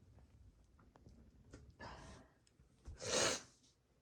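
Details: Induced sneezing, some normal and some half stifled: two breathy bursts, the second a loud, sharp sneeze after a brief intake of breath.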